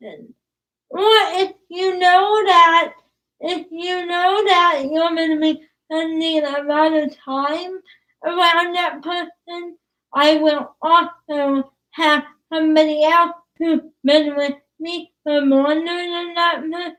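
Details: Young woman about to turn 20 with cerebral palsy, whose speech is described as hard to understand, with trouble on plosive sounds such as p and b; dysarthria due to cerebral palsy.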